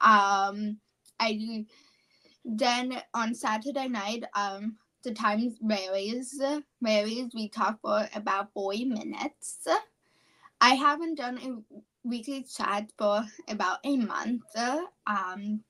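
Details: Childhood apraxia of speech, a neurological speech disorder, in a 17-year-old female high school senior. She has had speech therapy since about age four, has word-recall difficulty, and was once only 10% intelligible.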